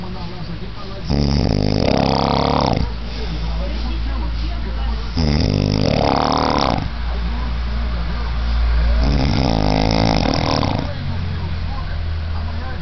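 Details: Sleeping person snoring heavily at 5:58: loud, rattling snores recurring about every four seconds, roughly 15 a minute, over steady low room noise; snoring.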